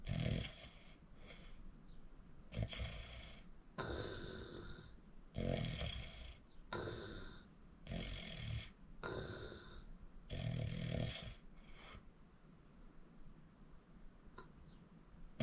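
Loud, rough breathing sounds recur every two to three seconds during sleep, with quieter breaths between: heavy snoring.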